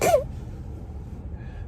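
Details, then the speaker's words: Single short, sharp, cough-like sneeze; sneezes differ between people, some sounding like a cough. "it's kind of weird how different people have different kinds of sneezes some people go"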